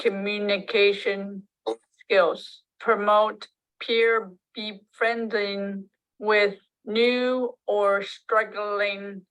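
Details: Person with aphasia speaking with agrammatic phrasing.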